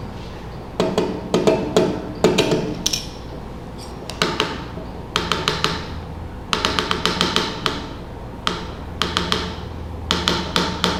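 Sharp wooden taps come in uneven bursts, with gaps of constantly changing length and no repeating pattern. This tapped imitation of the pulse shows an irregularly irregular rhythm, typical of atrial fibrillation, where every beat-to-beat interval differs.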